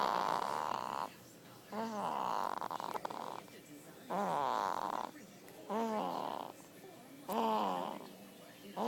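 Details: A baby napping makes regular noisy breaths with a rising, rattling snore on each, about four breaths in nine seconds, with faint room hiss; snoring.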